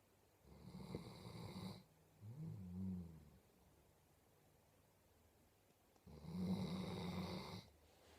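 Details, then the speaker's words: Sleeping dog snoring: soft rhythmic low rattling breaths with a quiet pause between them in a quiet room; snoring. "you are a big snoring lump you are a big snoring lump yes you are"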